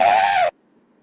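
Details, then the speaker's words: Child in a paediatric pulmonology teaching case: a single harsh, high-pitched crowing noise on breathing in, inspiratory stridor, indicating obstruction in the pharynx or just above the glottis. "so this is something called as a stridor, and this child had an inspiratory stridor. So if your obstruction is in the pharynx or just above the glottis, you will get an inspiratory stridor."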